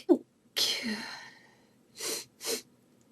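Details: Woman's desperate sneezing fit, audio only: a sharp inhaled catch, then a loud explosive sneeze and two smaller sneezes in quick succession.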